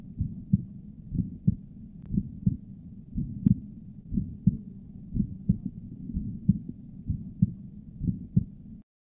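Regular heartbeat near 60 a minute with a soft murmur between paired heart sounds, consistent with mild pulmonic stenosis.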